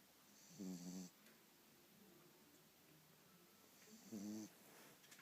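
Two short, buzzing snores on in-breaths about three seconds apart, with faint breathing in between.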